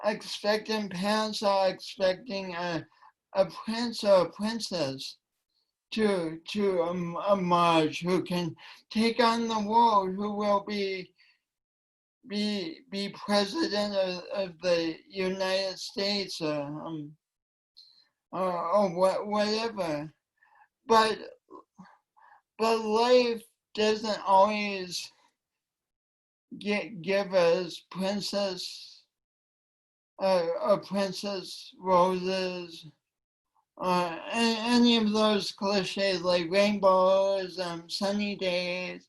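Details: Speech impediment in a woman; she says it affects her voice and coordination and that she tried to deny it for years.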